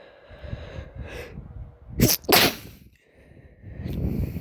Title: sneezing